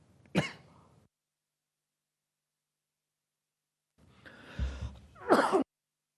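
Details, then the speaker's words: An adult man speaking at a press briefing gives a sharp cough, then after a pause a strained throat-clearing cough. He says he had just eaten an almond before speaking and that it was not coronavirus; cough from choking on food. "esto el problema es que me he comido una almendra justo antes y me he comido un almendra junto justo antes de empezar a hablar no se preocupen díaz está solucionado"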